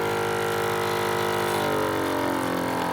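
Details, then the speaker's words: Suction unit test-run with saline drawn through a red rubber catheter into the canister: steady motor hum with a slight pitch shift as fluid is drawn through, confirming proper function with no leaks. "all I'm going to do is turn the unit on and make sure that I can suction sailing through and that it ends up in the canister"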